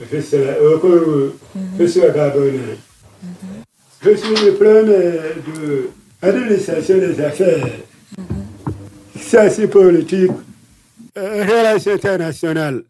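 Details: Deaf speech in a man who lip-reads, deaf since childhood after an illness; he says his voice has not sounded normal since a childhood throat operation in paediatrics in Libreville.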